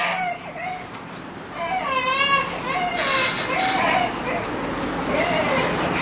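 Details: Infant waking from anaesthesia after major surgery: intermittent cries and whimpers with rising and falling pitch over background noise.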